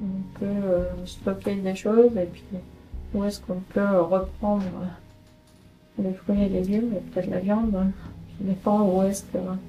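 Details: 48-year-old woman with semantic variant primary progressive aphasia, a rare disease related to Alzheimer's, speaking during her annual follow-up consultation.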